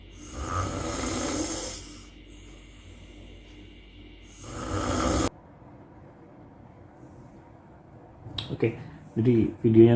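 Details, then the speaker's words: Adult man, a habitual snorer, self-recorded asleep without any anti-snoring device: two long, harsh, rattling snores about three seconds apart, then quiet breathing and a few snorts. Snoring. "kita coba cek dulu nih rekaman video waktu saya tidak menggunakan diways apa-apa jadi ngorok ngorok ya seperti apa ini sekitar 10 detik"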